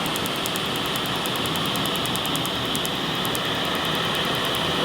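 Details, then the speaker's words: Laser tattoo removal, first session on the wrist at a clinic, with a cold-air cooler running: a loud continuous rush of the blower and a fast train of faint sharp ticks as the laser fires; the ink is reacting to the laser. "that's the tattoo you're reacting the inks reacting with a laser right there so we know it's going to be a really great treatment"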